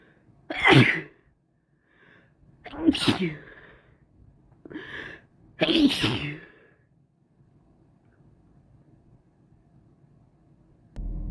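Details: Person sneezing: four sharp explosive sneezes, some preceded by a brief inhale, separated by quiet pauses.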